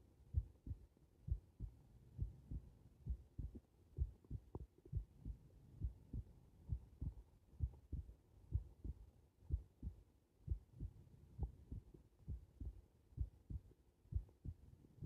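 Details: Normal heart sounds recorded with the subject lying supine: steady low paired thumps at about 66 beats per minute in a quiet room.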